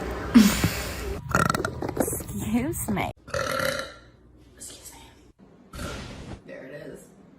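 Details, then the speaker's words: Wrestler burping after drinking kombucha, saying excuse me between: several loud, drawn-out belches with snatches of talk and background music; ordinary burping. "uh oh my God excuse me this kombucha sorry keep going through this pandemic uh oh my God excuse me let one rip"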